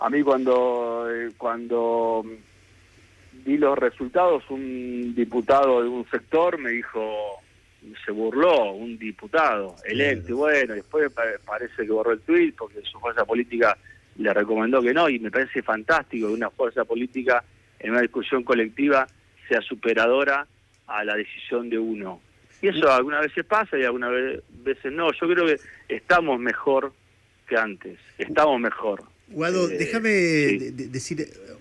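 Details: Adult man with stuttering since childhood, which he says has a genetic load and may have been triggered by trauma, still getting stuck at times, speaking in a live Spanish radio interview with word repetitions; stuttering.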